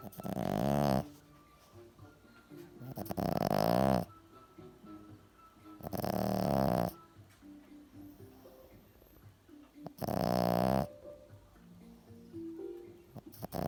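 Loud, rattling snores about every three seconds, roughly 18 a minute, with quiet snuffling between them; snoring in a flat-faced dog.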